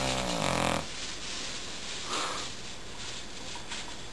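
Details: Dog snoring during sleep, with low, rumbling, snorting breaths over steady room noise.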